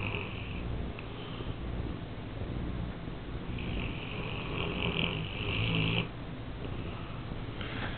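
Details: Newfoundland dog sleeping soundly in a small echoing bathroom, low steady rumbling breaths with a rasping, purring flutter until she is awakened, looking disoriented; loud snoring.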